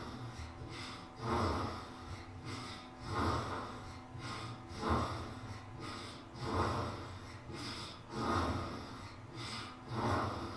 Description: I recorded my newborn son snoring.